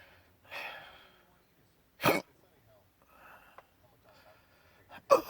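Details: Adult with persistent intractable hiccups since December 2015, plus breathing and choking spasms and erratic stomach sphincter control, cause undiagnosed; hiccups every 1-3 seconds: abrupt, sharp gulping catches at irregular intervals between breathy sounds.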